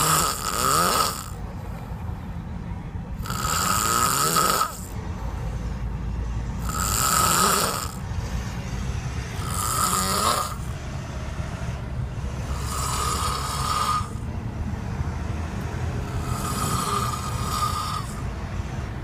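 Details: Snoring: loud, rattling snores recurring steadily, about 18 a minute, each with a harsh, hissing rush of air.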